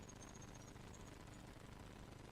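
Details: Radial shockwave lymphatic-drainage demonstration, very low energy of 60 millijoules, handpiece not pressed: rapid steady train of soft tapping pulses.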